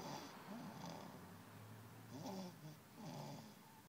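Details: Overweight man snoring: low rough fluttering sounds with each breath in, about three within four seconds, over faint room noise.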